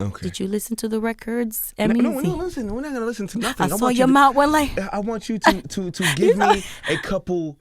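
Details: Adult woman speaking; typical voice.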